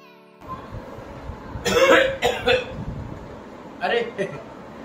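A short tone, then two groups of dry, forceful cough bursts, about five in all, in a quiet room. The cough is acted.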